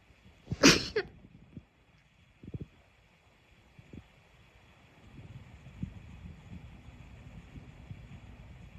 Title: sneeze 1-10